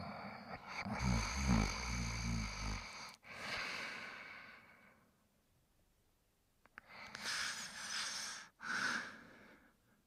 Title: Spike Sleeping & Snoring